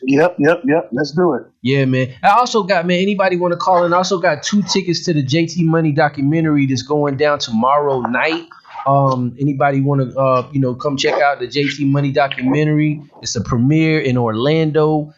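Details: Adult male speaker; normal speech.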